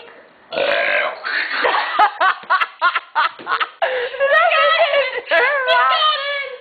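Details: Girl burping on request, showing boys how to burp: a run of loud, drawn-out and rapid choppy burps, one after another, with brief voiced stretches; repeated belching.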